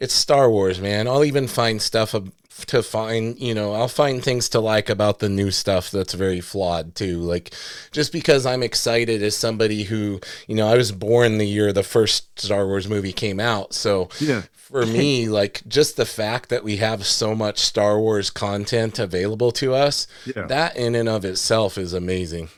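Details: Adult man speaking; ordinary speech.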